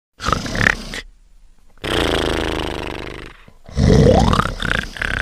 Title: Trash Sleeping and Snoring